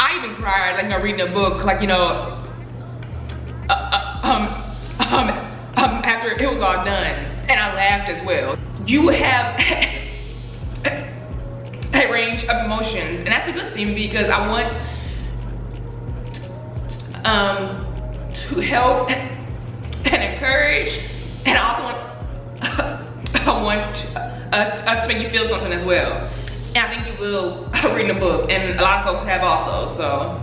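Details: Adult woman who stutters and says she stutters less when angry, speaking in a Q&A; stuttering.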